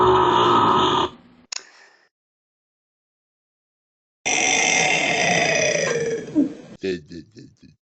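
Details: Deliberate fake burping: two long, loud, rumbling belches separated by silence, the second trailing into short bursts.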